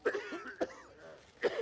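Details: Acted adult cough from a television drama: three short throat-clearing coughs.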